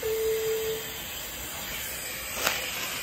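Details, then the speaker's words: Oxygen flowmeter cranked fully open to flush rate, Christmas tree adapter removed, feeding a bag valve mask with PEEP valve and viral filter as improvised CPAP during COVID: steady loud high-flow hiss. "and then we're just going to go to flush rate so flush rate you just crank it all the way open"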